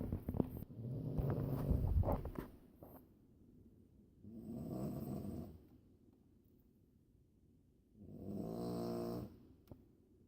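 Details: Snoring: three low, rattling breaths about four seconds apart, roughly 15 a minute, over steady background hum.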